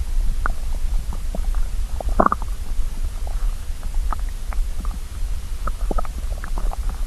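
Steady low rumbling with bubbly gurgles and a brief louder growl: hunger stomach growling, a normal sound.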